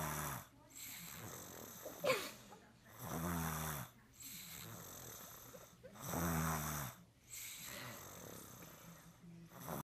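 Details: Regular rumbling snores on each inhaled breath, about three breaths in ten seconds, with quieter exhalations between; snoring.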